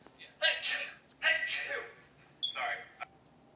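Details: Sneezing: two loud, hissing sneeze bursts about a second apart, then a third weaker one, in a quiet room.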